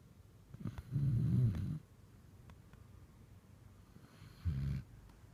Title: Snoring Doggy